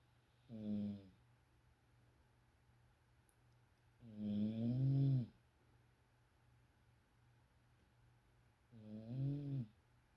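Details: Low, rattling snores on inspiration, about 14 a minute, with quiet pauses between breaths: snoring.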